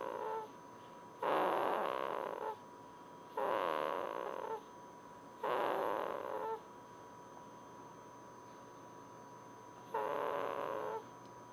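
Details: Baby snoring, four rough rattling snores about a second each at uneven intervals against a steady background hum.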